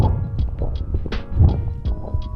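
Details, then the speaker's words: Brief popping, bubbling crackles repeating over a low, muffled breath sound, described as arising because the alveoli and bronchioles fill with fluid: crackles (rales). "la cual tiene un sonido como burbujeante. ¿Por qué se da ese sonido burbujeante? Porque los alveolos y los bronquiolos se llenan de agua."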